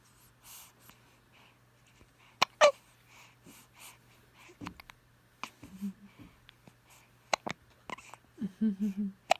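Brief, sharp catches of breath repeating at irregular intervals, with soft infant sounds; hiccups, a common harmless finding in babies.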